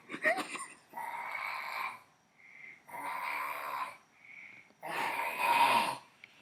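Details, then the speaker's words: A sleeping adult man gives loud, harsh, rasping snores roughly every two seconds, with softer whistling breaths between them. Unusually loud snoring. "I've never heard anybody snore the way this man's North that's not a man that's an extraterrestrial Beast that's an Intergalactic story"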